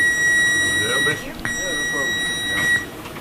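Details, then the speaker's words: Hospital trauma alarm in an emergency department with a level 1 trauma center: steady high electronic tone that stops briefly and resumes, with voices in the room, announcing an incoming level 1 or 2 trauma or stroke. "whenever the trommel alarm goes off there's a little bit of excitement or make us a little dry and rush after the alarm goes off they let us know is level 1 level 2 trauma a stroke what's coming in"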